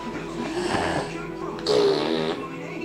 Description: My son demonstrating how I snore...